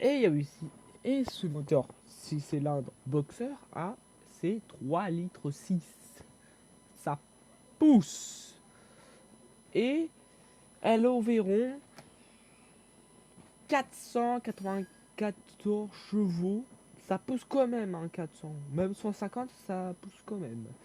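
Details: Stuttering in a young male speaker who reports difficulty speaking and fear-related stress when talking.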